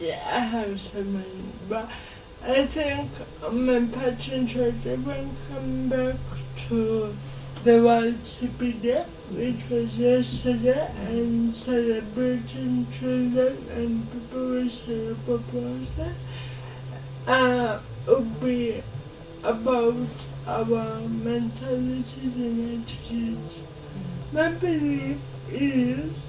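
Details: 26-year-old woman with lifelong cerebral palsy, speech affected enough that people often find her hard to understand; dysarthria.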